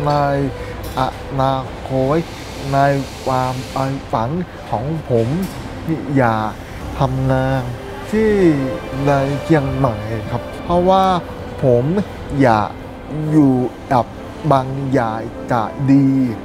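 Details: Male barista who is autistic and hearing-impaired, with hearing loss since birth; deaf speech (congenital hearing loss).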